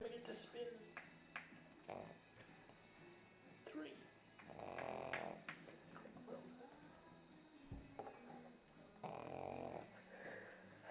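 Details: Pug snoring while sitting on a lap: soft, irregular snorting snores, with faint talk and room noise in the background; snoring.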